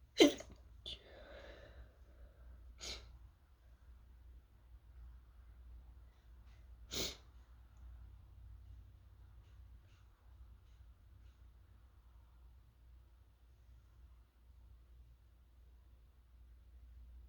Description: I was toasting up some chili peppers, and holy crap did it make me sneezy. I was trying to stifle because they were tearing up my throat, but it didn't work very well.